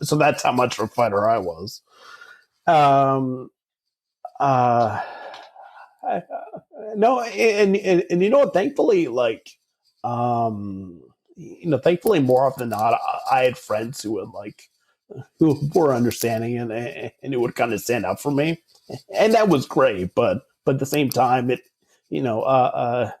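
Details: Adult man with stuttering since about age 5 or 6, treated with speech therapy from age 5 to 18, speaking in real conversation; stuttering.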